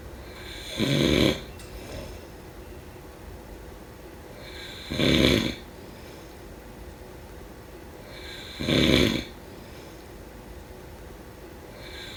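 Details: Loud rattling snores on each in-breath, about 16 a minute, with quiet breathing between; snoring during sleep.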